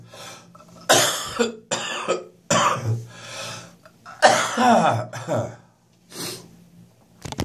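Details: First morning coughing fit that woke the patient at 06:30, chest still quite bad: a run of about six harsh, loose-sounding coughs in a quiet room; productive cough.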